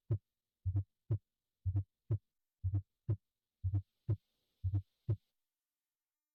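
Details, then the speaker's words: S4 gallop: regular heartbeat at about 60 a minute with an extra low thud late in diastole just before each S1, a "ba-bump bump" rhythm. "Basically, it comes before S1. You hear like ba-bump bump, ba-bump bump. And that first bump is the S4 followed by the S1, and that's because the S4 occurs late in diastole."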